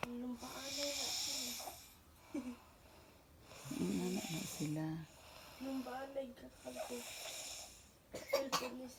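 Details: Loud, rough, droning snores from more than one sleeper overlapping and alternating, with quieter pauses between; snoring.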